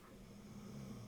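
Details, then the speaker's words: Pet dog snoring while asleep: a quiet, low, droning snore over one drawn-out breath, heard in the background of a conversation. "That is what we deal with sleeping every night. So yeah, if you can hear that, that's our dog snoring."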